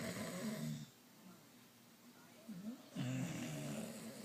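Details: Snoring contest between a dad and another family member: two low, vibrating snoring breaths separated by a quiet pause, with some room noise; snoring.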